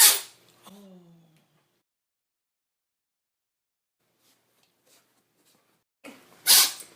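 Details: Sneezing cat, owner wonders if it has a cold: two sharp, explosive bursts of air separated by a quiet pause, with a faint short cry after the first.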